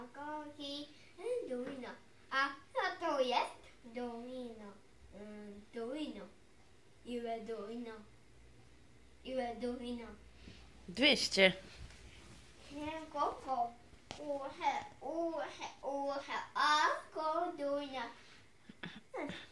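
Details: Autistic boy repeating the same phrases while setting up dominoes, with his mother redirecting it toward dialogue; producing even a single sound was once very hard for him; delayed echolalia.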